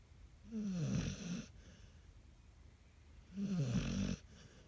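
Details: Pet dog sleeping soundly, out cold, giving two loud, rough snores with a rising, whistling edge on each in-breath, about every three seconds.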